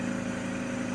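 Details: Home air compressor switched on to supply heated, humidified mist through tubing to a tracheostomy mask. Steady droning motor hum of the compressor running.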